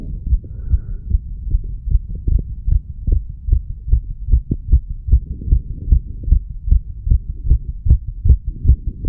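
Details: 34-year-old man after smoking nicotine and cannabis, recorded at the mitral area: regular heartbeat about 75 beats a minute with a soft hum behind it; he noticed a change in heart rate and sound.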